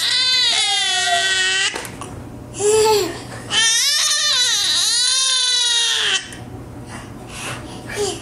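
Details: Baby girl who has been standing up and getting hiccups that interrupt her laughing: loud, high-pitched wailing cries in long sustained bouts separated by short gasps; infant crying.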